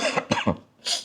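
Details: Quick run of three or four short coughs from an adult man who is taking a break to do steam inhalation. Cough.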